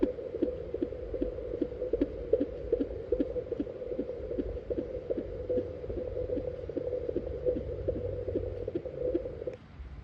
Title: Fetal heart sound using fetal doppler❤️🤰#fetalheartrate #heartrate #heartbeat #doppler #mothersday